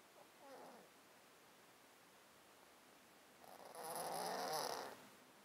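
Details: Cat sleeping in a box, recorded with a close-up mic; an underlying disease of 13 years makes him sound snotty and sneeze constantly. Two soft, wet, snuffly breaths with a gurgling rattle through the nose; congested breathing.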